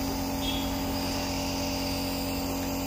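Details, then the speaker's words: Home compressor nebulizer machine, for cough, cold and fever, switched on without medicine loaded: steady loud motor hum and buzzing of the compressor running. "Connect करते हैं अपने switch board से और देखते हैं कैसे चलता है [संगीत] इसको कनेक्ट और इसको करते हैं अभी नेबुलाइजर मशीन"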